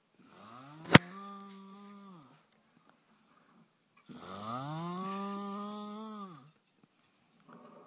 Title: Do this snore sound like a chainsaw or a bear